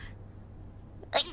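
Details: Sneezing fit of nine sneezes in a row replayed from a livestream clip; sneeze.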